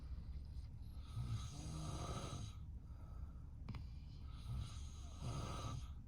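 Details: Low rumbling snores from a sleeping man (a dog owner) in a Hong Kong home, one long snore then another a few seconds later, over steady low room noise, while a golden retriever sleeps nearby; snoring.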